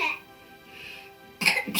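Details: Woman sneezing after dropping kalanchoe juice into her nose as a folk remedy for a stuffy nose: a faint breath, then a short, sharp, explosive sneeze and a smaller second one, faint music behind.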